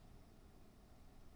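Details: A near-silent pause ends in a sudden, loud, quack-like vocal burst from an adult woman speaker with Tourette syndrome, diagnosed at age 9, during a live talk: an involuntary vocal tic.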